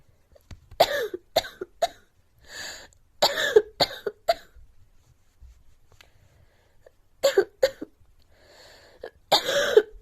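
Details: Girl with a repeated cough: several clusters of short, dry coughs, about eight bursts, with quiet breaths between.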